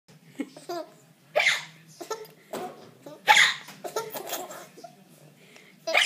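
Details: Young child giggling between short, sudden gulping hiccups after finishing dinner, with an adult singing that they both have the hiccups; hiccups mixed with laughter.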